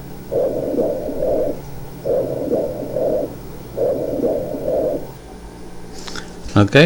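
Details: Stethoscope over an area of pleural effusion while the patient whispers "1, 2, 3": the whispered counting is transmitted clearly and intelligibly, whispered pectoriloquy.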